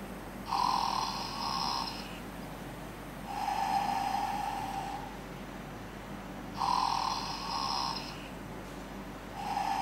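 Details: Simulated snoring from a teddy toy: alternating buzzing and whistling snore-like tones repeating about every three seconds over a steady background hum.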